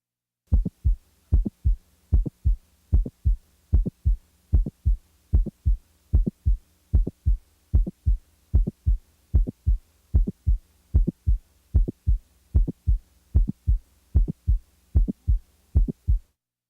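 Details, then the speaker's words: Mitral valve prolapse example: regular simulated heartbeat near 75 a minute with a mid-systolic click, a sharp extra sound between the first and second heart sounds, before the late systolic murmur is added. "the next example is that of a late systolic murmur in a patient with a mitral valve prolapse now the mid-systolic click is added"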